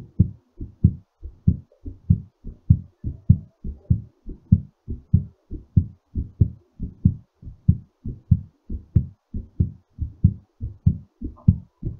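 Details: Steady, strong two-part heartbeat at about 95 a minute, still slightly fast; a normal heartbeat during recovery after exercise.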